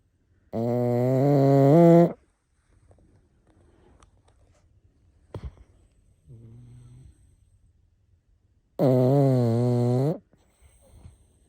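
Two long, loud, buzzing, tonal snores separated by quiet breathing and a softer snore; heavy snoring.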